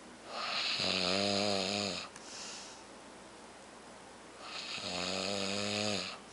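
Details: A man snoring loudly: two drawn-out snores with a buzzing, slightly tonal rattle on each in-breath, separated by quiet breathing out; snoring.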